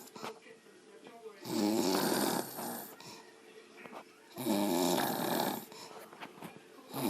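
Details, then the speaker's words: A mother snoring loudly: two long, harsh, rattling snores on the in-breath, about 21 breaths a minute, with quieter breathing between. "You done snoring? Mom. Mom. Done snoring? What?"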